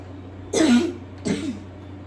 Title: Don’t mind my coughing pls